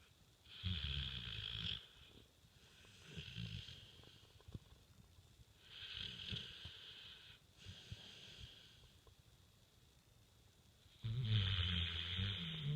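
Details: Snoring with the tongue out: low, fluttering snores with a whistly edge, repeating every few seconds, with quieter breaths between.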